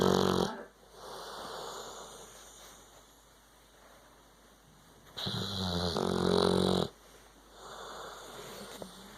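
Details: Sleeping pit bull: loud, rumbling, fluttering breath sounds, one long snore followed by quieter exhalations; snoring.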